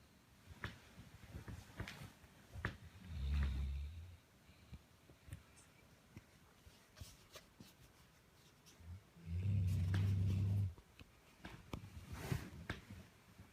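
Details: 1.5-year-old, 103-pound English blockhead Labrador snoring: two deep, rumbling inhaled snores about six seconds apart over faint ticking room noise.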